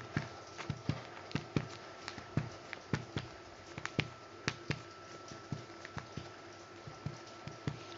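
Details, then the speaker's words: Percussion practice on a simulated asthma patient's back: a steady series of hollow finger taps, often in pairs, giving a resonant (sonor) note over all lung fields. "baik disini terdengar suara sonar pada seluruh lapang paru"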